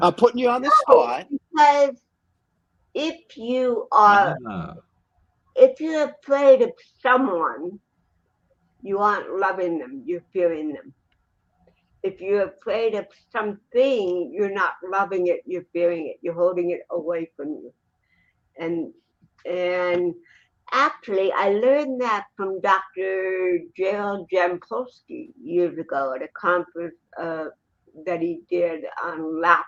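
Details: Adult woman with cerebral palsy, speaking in a real interview; finding: dysarthria (cerebral palsy).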